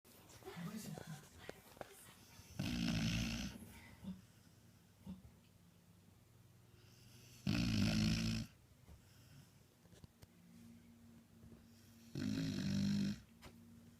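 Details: A sleeping beagle snoring: three loud, rattling snores at slow, even intervals, about 13 breaths a minute, while possibly dreaming; ordinary dog snoring.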